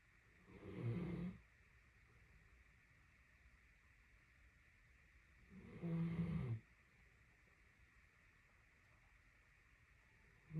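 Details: Great Dane dog napping, snoring for a solid 30 minutes: two deep, rumbling snores about five seconds apart, roughly 12 breaths a minute, steady background hum; ordinary snoring.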